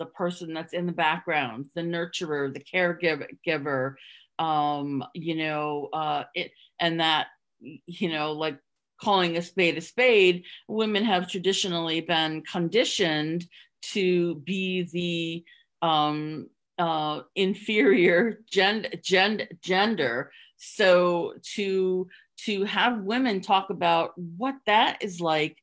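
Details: Adult woman who stutters, with part-word and whole-word repetitions. She had covert stuttering, hidden for close to 30 years, and now stutters openly. Real, not acted. Finding: stuttering.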